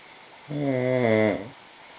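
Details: Snoring: one drawn-out, buzzing, slightly tonal snore lasting about a second; a single snore.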